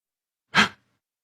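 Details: One short, sharp burst of air with a hissing spray, then silence: a single sneeze from an orange cat.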